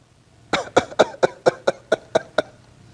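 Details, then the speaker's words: Adult imitating a whooping cough paroxysm: about nine rapid coughs in one breath that empty the lungs. The speaker explains that a sudden noisy inspiratory whoop follows. "يكح كحات متتابعه"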